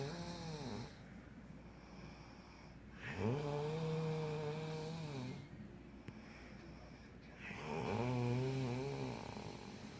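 Long, drawn-out, droning snores about 13 a minute, each rising and falling in a humming tone, with quiet gaps between.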